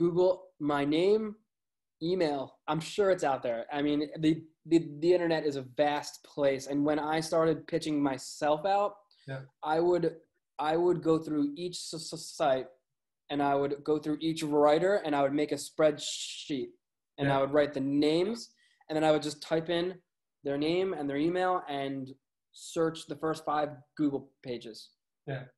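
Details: Adult male with a lifelong stutter; stuttering.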